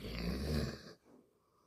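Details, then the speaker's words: A sleeping pet dog gives one low, rumbling snore under a second long, then quiet; the owner says it snores softly now but usually loudly; snoring. "Porque ahora está roncando despacito, pero normalmente ronca fuerte, a veces no me deja dormir."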